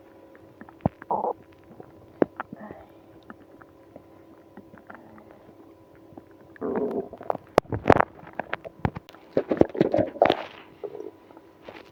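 Gurgling, rumbling stomach noises with squeaks and bubbly bursts, louder and busier toward the end; active bowel sounds in irritable bowel syndrome.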